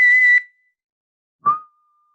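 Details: Whistled imitation of wheezing: two tones, higher then lower, mimicking the musical whistle heard in expiration and inspiration; real wheeze comes from inside the chest, not the mouth; wheeze (imitated).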